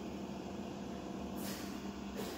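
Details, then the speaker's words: Steady machine hum with hissing bursts of vented air: a Philips EverFlo 5-litre oxygen concentrator switched on and running, cycling, with flow adjustable up to 5 L/min through a humidifier bottle and nasal cannula. "After that, you have to switch on the machine using the power button given here. So you can regulate the flow, how much oxygen should be given using this regulator by rotating this particular control."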